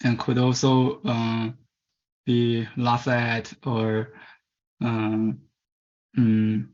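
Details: Person from China who stutters and was taken around age 10–11 to a commercial stuttering-fix course, presenting at a stuttering conference; stuttering.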